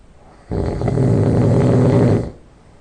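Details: Loud nasal snoring just after falling asleep: one loud, low, rattling snore lasting nearly two seconds with a nasal quality.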